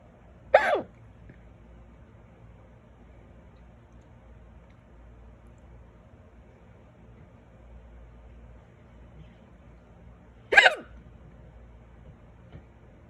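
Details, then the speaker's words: Adult with loud, violent hiccups that started suddenly after eating a small salad and lasted about ten minutes: two sharp, abrupt vocal bursts about ten seconds apart in a quiet room; persistent hiccups. "Usually if I get them, they go away pretty fast, but these seem to want to hang on. I just ate a salad and not even a lot of food, just small salad."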